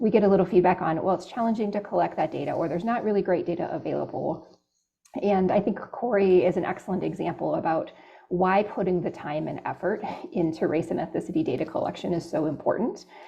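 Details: Adult speaker; normal voice.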